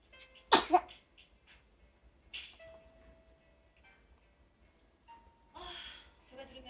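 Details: One-month-old baby sneezing: one sharp, high infant sneeze near the start, then soft breathy sounds and faint room noise; normal newborn sneeze.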